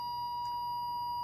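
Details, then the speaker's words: Puritan Bennett 560 ventilator: steady high-pitched electronic alarm tone triggered by switching the unit off at the back while it is ventilating, without first entering standby. "Watch what happens when I try to switch it off on the back. So if it's actually ventilating, and I haven't put it in a standby function, if I try to turn it off, you get that sound, and you get that screen."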